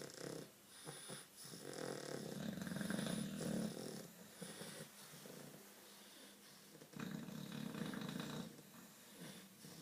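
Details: Sleeping English bulldogs, a flat-faced breed, snore loudly and roughly in rising and falling bursts with snorting.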